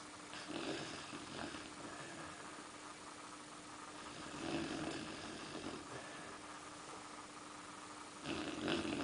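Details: Snoring from Elsa, a four-month-old Bernese mountain dog puppy, at night: slow, regular rough snores about every four seconds, roughly 15 breaths a minute, over a faint steady hum.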